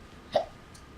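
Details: Young child with hiccups while reciting shape names: a single short, abrupt voiced gulp in a quiet room; hiccup.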